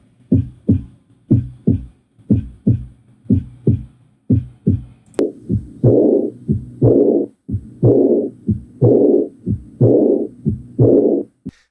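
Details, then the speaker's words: Normal heart sounds compared with a heart murmur: clean lub-dub sounds at about 60 a minute, then the same rhythm with a loud whooshing murmur between beats. "Here's the difference between normal heart auscultation and a heart murmur."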